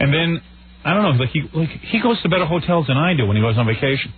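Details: Adult man speaking, radio broadcast; ordinary conversational speech.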